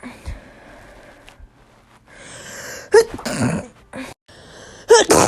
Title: SNEEZING COMPILATION